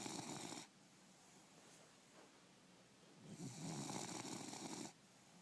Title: Bulldog snoring